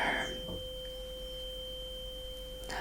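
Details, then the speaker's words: Simulated cranial nerve exam role-play: tuning fork struck for a bedside hearing test; soft knock followed by a pure sustained ringing tone. "So, give me a moment to fish this one out of its bag. Here. Now this one's not. This one's a lot louder actually. Okay, let's try that again. That sounds better."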